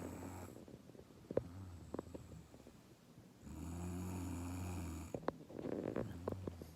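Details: Adult woman snoring pretty loudly while asleep at night, recorded by her partner: low droning rattles on each breath, longer snores between soft clicks and shuffles.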